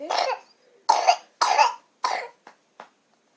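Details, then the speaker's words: Four loose, wet coughs, then two small catches: a moist, mucus-laden cough in a hospitalized infant with RSV bronchiolitis, admitted tachypneic and tachycardic with increased work of breathing. Mucus is coming up and disturbing her sleep. "So, all that is where she's having a hard time sleeping, because it's coming up, which is good because they want it to break up."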